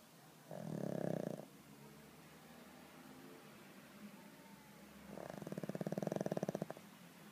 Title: Pug dormindo e roncando / Pug sleeping